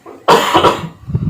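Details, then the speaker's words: Nursing student's demonstration of an effective-cough exercise with an adult male patient sitting: breathe in and out, hold breath 3 seconds, then cough to clear sputum; one strong forceful cough. "Yang pertama tarik nafas, terus buang, tarik nafas, buang, tarik nafas lagi Pak, tahan 3 detik, batukkan 3 kali."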